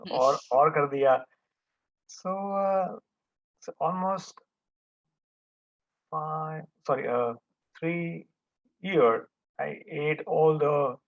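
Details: Man who had a stroke with hemorrhage and coma at about age 50, was almost mute for about 1.5 years and had daily speech therapy; speech is still effortful and broken. Finding: non-fluent aphasia after stroke.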